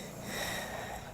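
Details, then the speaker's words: 29-year-old woman with a tracheostomy and humidifier for over 2 years after gunshot injuries: a single noisy, rushing breath with a faint whistling edge through the trach tube. "You may not be able to see the struggle. But you can certainly hear it. For more than 2 years, 29-year-old. She has relied on a trach and humidifier."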